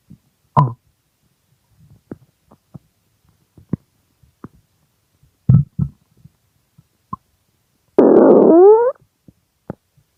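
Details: Extremely hungry stomach growling recorded as ASMR: scattered gurgles and clicks, then a drawn-out rising growl, hunger-related bowel sounds (borborygmi).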